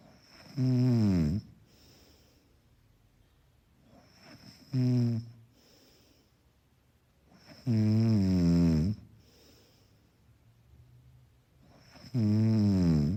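Soft, rumbling snores on each breath, about 14 a minute, somewhat irregular in length, with quiet breathing between.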